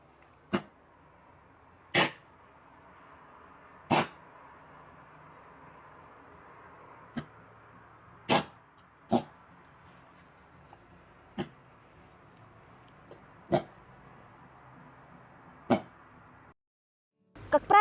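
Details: A small dog with kennel cough (canine infectious tracheobronchitis) has a coughing fit of repeated short, sharp bursts.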